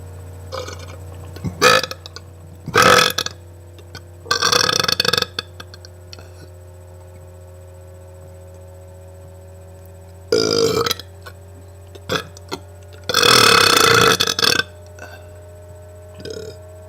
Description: me burping. far from my best